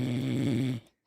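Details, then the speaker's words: Grandfather snoring loudly in sleep, recorded to convince him he snores: one deep, rattling low snore on a single breath that stops abruptly. "O yüzden dedim içinizi horlamasını dinleteceğim bak arkadaşlar mikrofon iyi şey yapmıyorum yanımda götürüyorum ki şey yaptım böyle hani"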